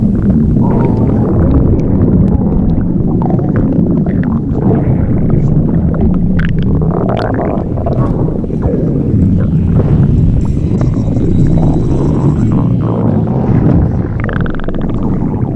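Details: Morning stomach growling from hunger before breakfast: loud, continuous low rumbling with gurgles and a few squeaky rising tones.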